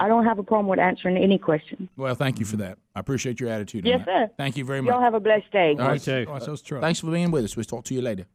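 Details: Adult male voices, radio call-in; ordinary speech.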